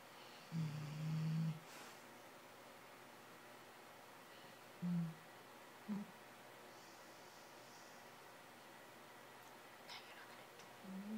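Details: A sleeping dog's nightly snoring, said to sound like an old man: soft, low snorting snores, short and irregular, over steady room hiss; harmless snoring.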